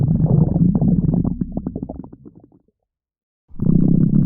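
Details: Low, bubbling gurgles that fade into silence, then return: stomach growling (borborygmi).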